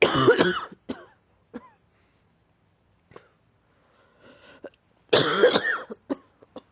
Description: Here is another video of coughing. I am still coughing but it is getting better now.